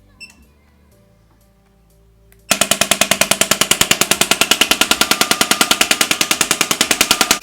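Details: Extracorporeal shock wave therapy handpiece (Shockwave Pro) with tip 5 on a cellulite preset of 2500 impacts, 10 Hz and 100 mJ, demonstrated on the operator's own thigh with ultrasound gel and described as painless. After quiet room noise, a rapid, even train of sharp clacking impacts begins at about ten per second.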